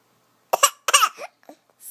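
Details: Two short, bright, deliberate cough sounds from a happy baby, followed by a small vocal sound; a playful voluntary fake cough, not an illness cough.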